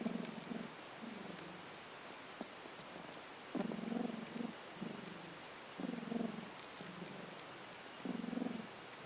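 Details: Sadie at 3 am: continuous rough, grating purr rising and falling with each breath, hissy room noise; rough purring respiration.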